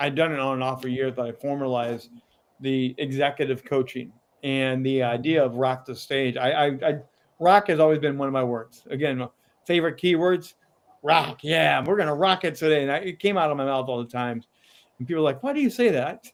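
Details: Adult man with a lifelong stutter, still present at times; word repetitions such as "I I I"; stuttering.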